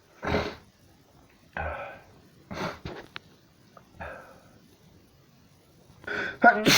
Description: Stop just bloody stop sneezing